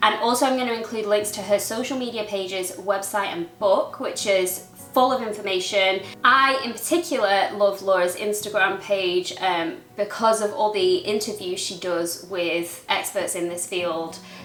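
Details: Adult woman speaking; typical speech.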